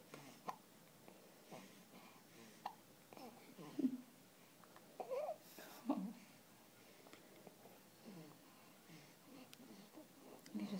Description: My new nephew has hiccups